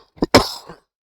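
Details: Cough from an adult teacher during a Bengali grammar lesson: a brief cough interrupting speech.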